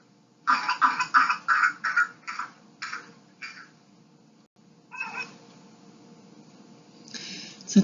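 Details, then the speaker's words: Paroxysmal hacking cough, about nine rapid coughs without a breath, then a brief high-pitched drawn-in whoop, typical of pertussis (whooping cough), a highly contagious respiratory tract infection. "in many people it's marked by severe hacking cough followed by a high-pitched intake of breath that sounds like whoop"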